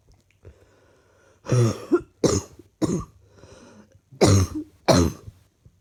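Five harsh, forceful coughs in two quick clusters with a rough, throaty quality; a repeated cough.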